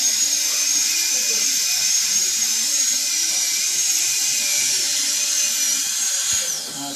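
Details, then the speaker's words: Dental drill removing caries from a numbed 6-year-old boy as the dentist reassures him ("almost done there buddy"): loud continuous high-pitched whine with slight wavering and quiet voices, ending abruptly. "okay that's a noise almost done there buddy hang on that's a noise"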